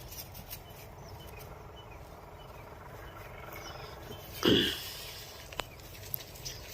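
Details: Cow outdoors near a wheat field: steady background noise, then one loud, short, harsh burst about halfway through, a single cough.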